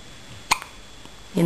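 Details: Single sharp, brief gulping hiccup over quiet room noise, from a girl staring at herself in a mirror, followed by the start of a voice; hiccup.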